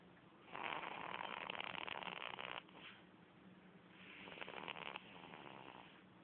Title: Baby snoring... Just like mummy & daddy.lol.